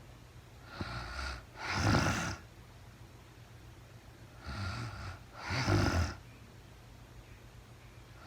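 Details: Real-time recording of a woman asleep overnight, very tired, no talking (labelled REM sleep): soft, rough, low snores in pairs with each breath, quiet gaps, about 16 breaths a minute, faint room hiss; snoring.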